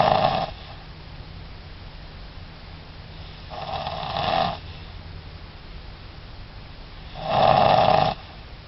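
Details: Loud, rough snores on the in-breath, three in under nine seconds, with quiet pauses between, against steady room hum; snoring.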